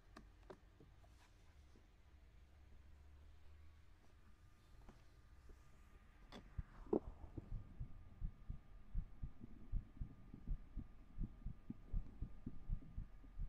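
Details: Heartbeat recorded with a 3Dio binaural microphone during an ASMR stream: soft low thumps at about 79 beats a minute over quiet room hum, after a few faint clicks.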